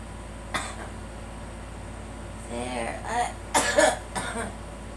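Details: A girl coughs several times in short, sharp bursts, with a brief voiced sound between them.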